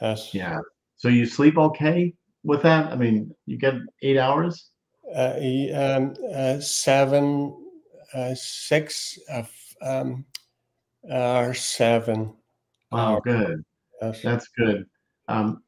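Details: Aphasia in a male speaker.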